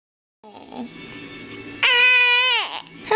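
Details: An infant girl fusses softly, then rises into a loud, high, sustained cry that falls away at the end, in a quiet room: infant crying.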